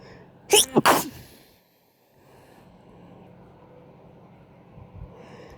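A quick double sneeze, two sharp bursts close together, then quiet background noise; ordinary sneezing.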